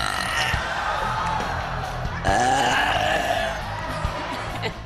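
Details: Woman who burps deliberately by opening her throat, inhaling and filling her stomach with air: a long, loud voiced belch over background music. Burping.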